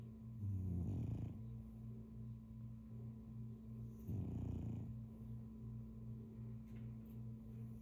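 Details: French bulldog snoring while asleep: two loud, rough snoring breaths about four seconds apart, with a steady low hum and faint rattling between them.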